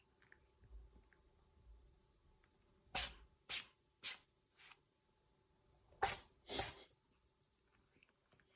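A run of six small, sharp sneezes in quick succession from a cat, in a quiet room.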